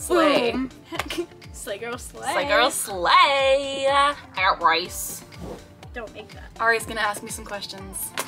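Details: Adult woman diagnosed with Tourette syndrome at age 12, with both motor and vocal tics, with interjected vocal tics in her speech; vocal tics (Tourette syndrome).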